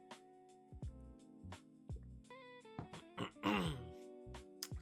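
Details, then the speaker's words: Several short throat-clearing grunts and small coughs from an adult man over background music, after long talking, about an hour and a half, with his voice starting to go. "my voice is starting to to go. I've been talking for so long."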